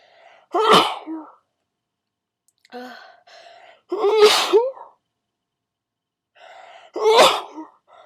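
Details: Three forceful sneezes, each preceded by short catching inhalations, in a quiet room, from a sneezer who starts out stifling and then sneezes full out. Sneezing.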